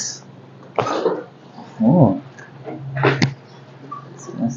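Two short, harsh cough bursts a couple of seconds apart, with a brief voiced sound between; a plain cough.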